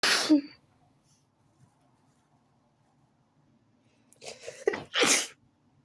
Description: I had to sneeze all of a suchen, it happened so fast that I couldn't record it from the begining..